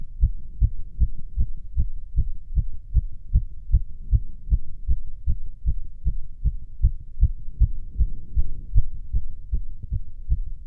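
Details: Self-auscultation of the heart while standing (orthostatic) and sitting: fast, regular heartbeat with clear thumps and no extra sounds; tachycardia with otherwise normal heart sounds.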